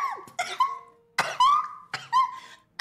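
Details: Streamer who says she is sick coughing on stream, a sound first mistaken for laughing; cough.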